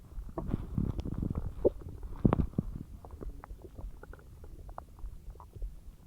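Low gurgling rumbles and bubbling pops from the abdomen; loud digestion sounds, normal after a large meal.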